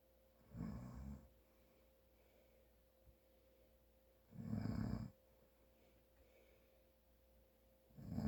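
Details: Father asleep with a blocked nose: rough inspiratory snores about every four seconds; snoring from congestion.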